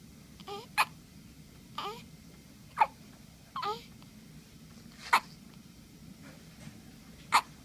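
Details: Baby girl with hiccups: sharp, brief hiccup sounds about every one to two seconds, about six in all, with soft baby vocal sounds between; infant hiccups.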